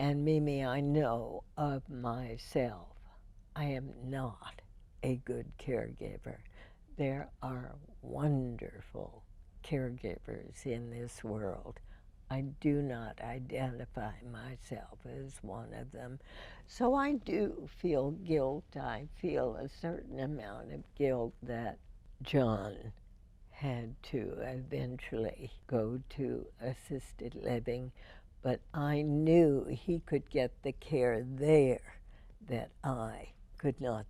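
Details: Adult woman (radio host) with spasmodic dysphonia diagnosed in 1998, treated every four months with botulinum toxin injections into the vocal cords; her voice is described as imperfect with deliberate pacing; spasmodic dysphonia.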